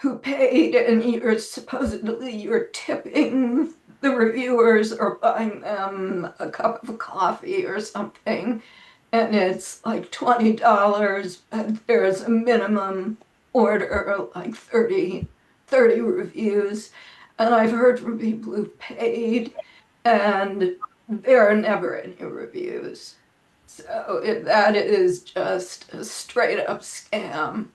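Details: Spasmodic dysphonia in an adult woman; it varies day to day, and she reports this is not a particularly good day.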